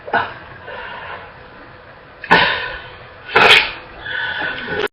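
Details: Girl coughing non-stop, barely able to catch her breath and coughing until she gags: three harsh, forceful barking cough bursts with throaty, wet, congested noise between them.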